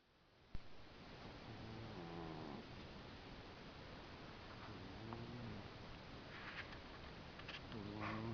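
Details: Soft, low, rumbling snores from a sleeping pet cat, about three breaths over eight seconds, against steady room hiss: snoring.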